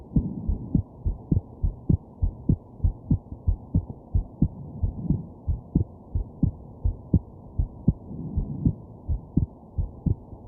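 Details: Heartbeat recorded at night while sick with a stuffed nose and hiccups: steady low heart thumps with a soft hum beneath; hiccups not clearly distinct.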